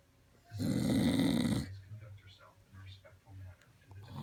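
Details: One loud, coarse, rattling snore on a breath, followed by quieter, low snuffling breaths: snoring.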